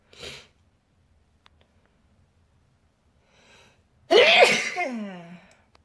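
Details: Person sick with a cold, after trying chhinkni: a short breathy burst, then a loud, intense voiced sneeze with sharp onset and trailing tail; sneezing.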